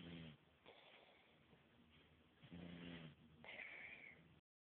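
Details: Snoring: low, rough, rumbling breath sounds in repeated bursts with quieter gaps, recorded on a phone.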